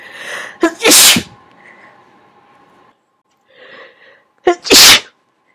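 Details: Sneezes: two loud sneezes a few seconds apart, each with a sharp intake of breath and then an explosive burst.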